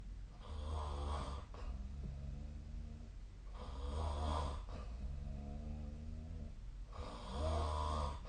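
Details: Three long, low rattling breath sounds about three seconds apart, roughly 20 breaths a minute, with soft pauses between: snoring during sleep.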